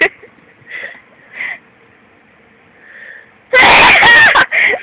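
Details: Repeated nasal tickling with an object inserted up the nostril to induce sneezing; several soft, catching inhalations build up, then one loud, drawn-out explosive sneeze with a brief trailing breath.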